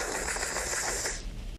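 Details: Vocal tic (mouth and lip noise) in a man with Tourette syndrome.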